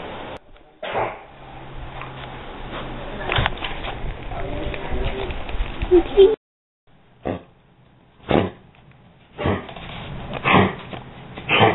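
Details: An 11-year-old dog gives about six short, harsh coughing bursts with quieter breathing between; it has coughed many times a day for days, and the owner's aunt suspects heartworm although the dog gets monthly K9 Advantix and is still active and eating.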